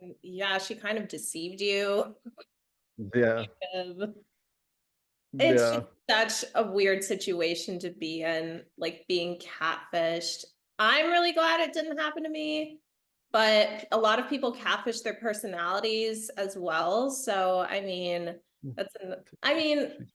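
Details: Adult woman speaking; normal speech.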